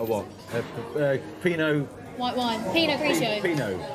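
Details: Adult speaker; speech.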